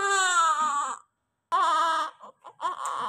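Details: Newborn just after delivery: loud, strong, high-pitched cries with a pause for breath between them; a vigorous, full newborn cry, normal just after birth.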